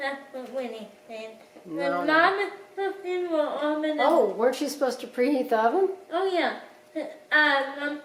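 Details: Adult speaker; dysarthria (cerebral palsy).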